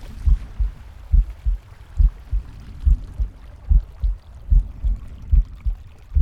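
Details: Pig's normal heartbeat: regular low thumping at about 70 per minute, with faint breathing and gut noise behind it.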